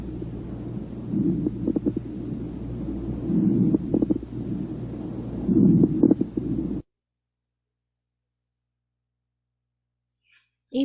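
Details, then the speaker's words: Muffled breath sounds with brief popping clicks during the breaths, played as a physical-exam teaching example of lung auscultation right after wheezes: crackles. "listo ahora viene otro que son los crepitantes"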